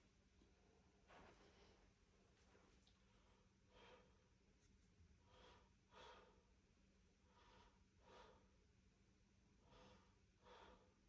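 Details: Head-to-toe physical exam, posterior thorax auscultation: about five slow, deep breaths with soft airy rushes and no wheeze or crackle over faint room hum, giving clear, normal lung sounds.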